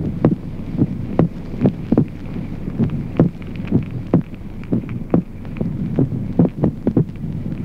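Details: Teaching recording: doubling of the second heart sound in ventricular extrasystoles, with an irregular rhythm from early extra beats and a split S2.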